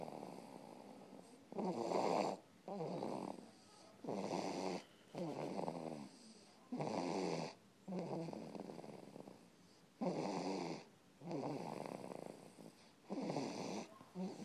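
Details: Rhythmic snoring during sleep, about ten rattling snores over fourteen seconds, roughly forty breaths a minute, with quiet gaps between.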